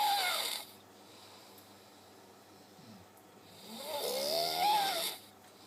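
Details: Snoring after working 7 straight nights: two harsh snoring breaths with a rising whistling tone, separated by quiet; loud snoring.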